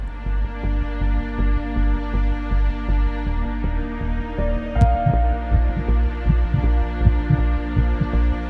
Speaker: A heartbeat is universal. Every woman deserves an ultrasound, regardless in the location where she lives.